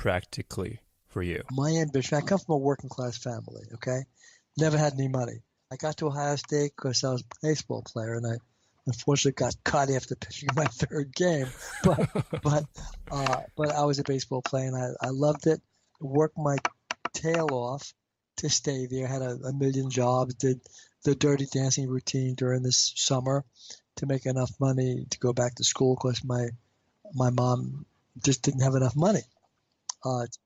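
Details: Adult man with stuttering since age five, treated with intensive fluency therapy and now using fluency targets, still reporting blocks; stuttering.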